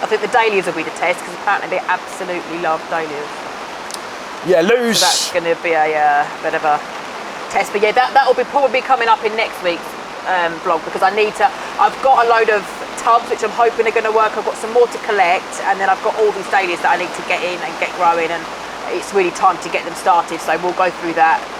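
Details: Adult speaker; typical speech.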